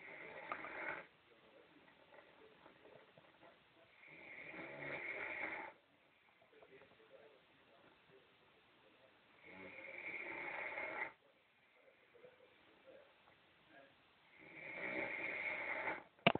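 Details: Long, harsh, rattling snores about every five seconds with quiet pauses between; snoring.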